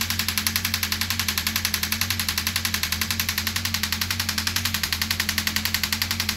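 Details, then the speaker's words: A radial shockwave therapy device on a patient, run at energy level 3.2, which he finds manageable: rapid, steady clicking pulses at about 220 a minute over a low mechanical hum. "It feels like somebody's tapping really, really deep."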